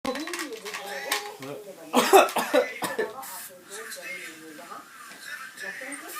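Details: Amid adult and child talk in a small room, a child gives two or three short, forced cough bursts, imitating his father's cough. Imitated cough.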